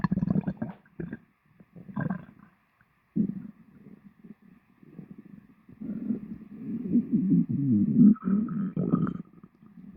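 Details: Person's stomach after lunch, recorded: loud, low gurgling and rumbling in irregular bursts, building into a long rolling growl; stomach growling (borborygmi) after a meal.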